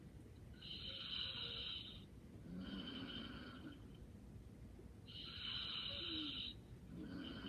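Soft, regular breaths in a quiet room, each with a light hissing, whistling snore, about 15 breaths a minute.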